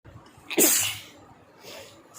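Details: Person sneezing, real and deliberately faked sneezes: a single sharp, explosive sneeze with a short in-breath before it over faint room noise; may be real or acted.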